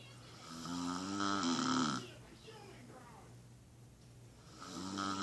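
Loud rattling snores on inhalation, with quiet breathing between them.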